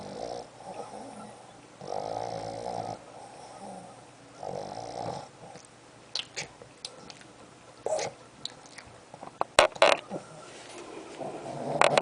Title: Snoring.mpg